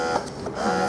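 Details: Malish single electric breast pump, which has stimulation and expression modes and suction levels 1–6, running, likely in stimulation mode: a brief steady mechanical hum with a tonal whine and soft rhythmic pulses.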